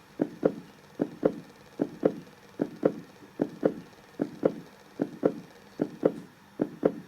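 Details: Steady paired lub-dub heart sounds at about 75 beats a minute, a regular, normal heartbeat rhythm.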